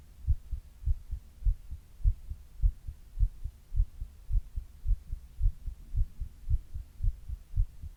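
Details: Adult's own heartbeat recorded while quietly reading, in a 28-minute session that included a 102°F fever in its middle third: steady, regular low lub-dub thumping at about 105 beats a minute; normal heart sounds.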